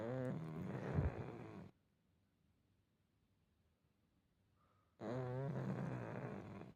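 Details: Pug dog snoring while asleep.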